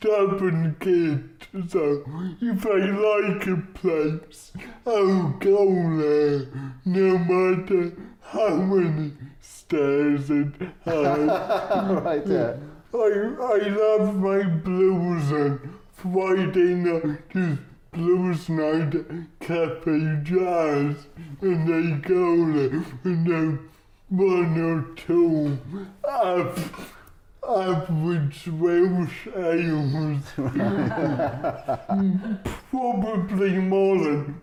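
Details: Adult man, comedian with cerebral palsy, real patient; dysarthria due to cerebral palsy.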